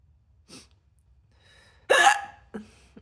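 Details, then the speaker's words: Three abrupt, sharp involuntary gulping sounds in quick succession, each a brief catch of breath, from a person who says their hiccups hurt and fears sipping anything; hiccups. "Hiccups are something else, though. Which I feel like sneezing is more annoying than the hiccups for me. But the hiccups do hurt."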